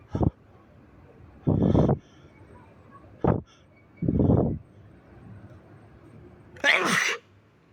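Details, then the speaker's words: Person sneezing after tickling the nostrils: five sneezes at uneven intervals, some short and sharp, others long and wet, quiet room noise between; ordinary sneezing. "Oh, I have to sneeze. Oh. Look at this. I think I need a tissue."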